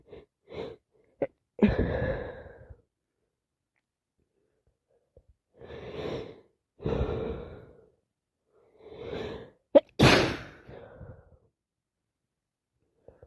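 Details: A real head cold that has got worse: drawn-in breaths and sniffs build to a sharp explosive sneeze, with quiet gaps between, part of non-stop sneezing and sniffing.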